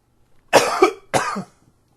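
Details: Two short voiced coughs in quick succession, the second slightly weaker; a dry tickly cough triggered by allergies.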